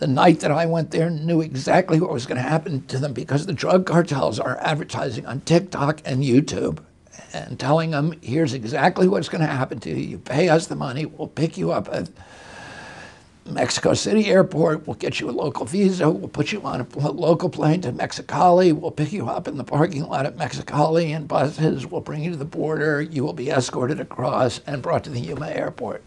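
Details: Adult male with spasmodic dysphonia, which he says began at age 42 in 1996 after a neurological injury. He attributes it to his brain sending wrong signals to his vocal cords, not to the cords themselves. Real interview speech.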